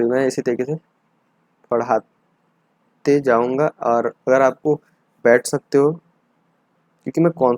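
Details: Adult male teacher who has stuttered since childhood; stuttering.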